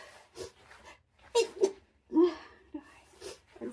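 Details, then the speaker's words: A simulated sneeze in a role-play, blamed on freezing dry air: a quick intake of breath, then sharp voiced bursts of air, called a wet one, in a quiet room. "It's just a snowflake got in my nose or something. Sorry. Oh god. I'm all right. That was a bit of a That was a wet one."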